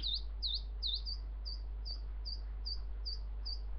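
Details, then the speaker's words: High, thin repeated beeps, about ten short pulses over a low hum, from a smartphone hearing-test app stepping up in frequency around 4–5 kHz, tones getting fainter; pure-tone hearing test tone. "4,068 hertz. 5,68 hertz. Now they're getting fainter."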